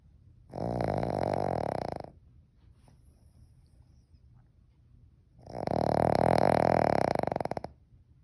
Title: Snoring dog